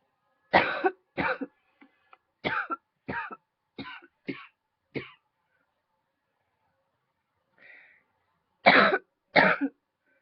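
A bout of about nine sharp, dry coughs in quick runs, with a short pause before the last two.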